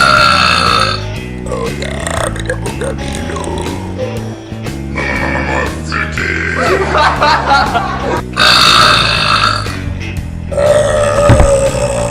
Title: 45 Segundos de Eructos 2 / 45 Second of Burps 2